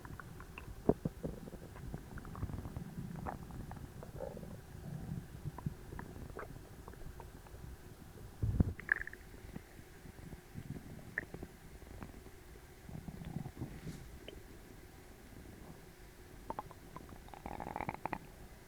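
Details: Frequent low gurgles and rumbles from a tight, achy, overfull abdomen recorded right after a large Christmas dinner: active digestive bowel sounds (borborygmi).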